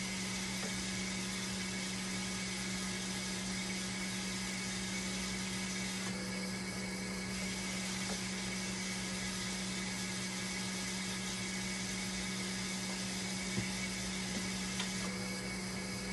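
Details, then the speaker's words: A hemodialysis machine running a test after repair and calibration, with temperature still not rising: steady mechanical hum with a constant tone and faint pump and water noise, and a low-flow error still appearing. "Once na tumakbo yung machine, dapat umiinit na ito. Tignan natin, patakboy muna natin, test natin. Tignan natin kung lalabas yung flow error"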